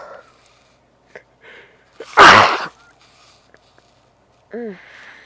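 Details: One loud explosive sneeze after a sharp inhaled build-up, then a short vocal sound; nose made very sensitive by an intense earlier congestion and sneezing fit less than an hour before.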